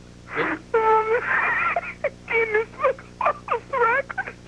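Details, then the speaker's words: Man with asthma laughing hard on a recorded broadcast; high voiced bursts of laughter with squeaky, whistling breaths drawn between them: wheezy laughter, asthmatic breathing. "and has asthma yeah and he has asthma so he has a breather get a breather sometimes when you're talking to Ryan on the phone he gets tickled and you lose Ryan and you hear that breather going"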